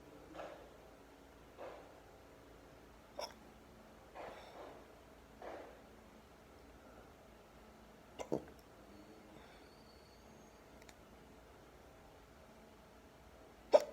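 Sudden short gulping hiccups, about eight or nine in fourteen seconds, at irregular spacing.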